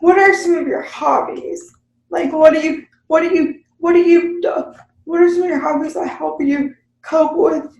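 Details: Speech of an adult woman with cerebral palsy, unscripted podcast conversation.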